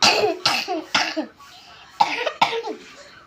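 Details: Young child who is unwell gives five short, harsh coughs in quick bursts, some with a little throat noise.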